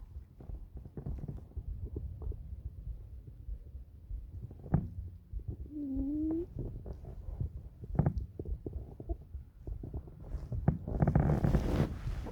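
Low gurgles, rumbles and a brief squeaky growl over soft, irregular thumping; ordinary stomach growling.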